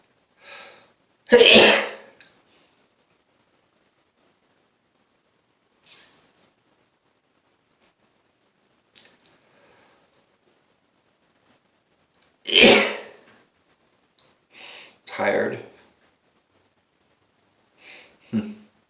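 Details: Adult man with allergies, sneezing nonstop since morning with headache: about five explosive sneezes with soft breaths between, repeated sneezing fits.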